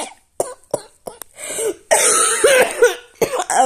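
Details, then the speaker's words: Adult with asthma and a history of bronchitis, chest X-ray clear, no viral or bacterial infection: a run of short, dry, hacking coughs with a longer harsh spell in the middle; dry cough from asthma. "this isn't caused by a virus this isn't caused by a bacterial infection this is caused by my asthma acting like an"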